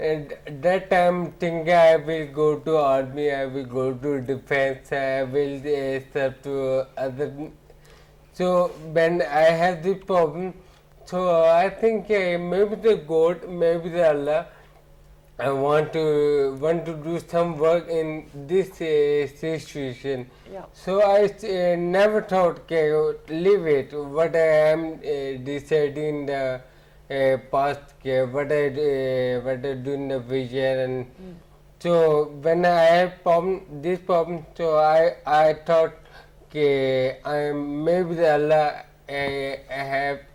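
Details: Ataxic dysarthria in an adult man with ataxia, symptoms beginning around 2007, about a year after marriage.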